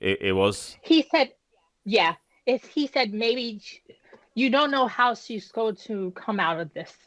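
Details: Adult woman, about 10 years after an ischemic stroke at age 36 that damaged about a third of her brain, including the speech center; initially unable to speak, with right-side paralysis; still recovering, with repetitions and word-finding pauses; post-stroke aphasia and apraxia of speech.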